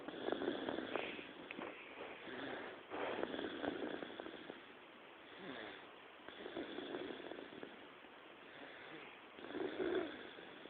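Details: Baby daughter snoring in sleep: soft, irregular snoring and snuffling breath noises.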